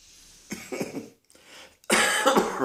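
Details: Three harsh coughs in quick succession, the last the loudest, with short quiet gaps between; repeated coughing.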